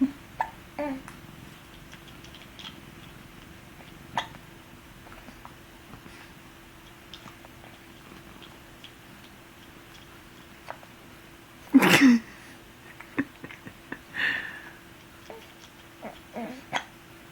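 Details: Infant boy with hiccups, having trouble with his pacifier: quiet room with a few soft, irregular hiccup sounds, one clearly louder; infant hiccups.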